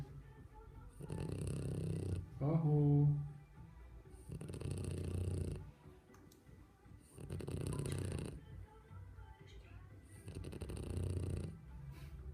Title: French Bulldog puppy snoring (Boomer the Frenchie)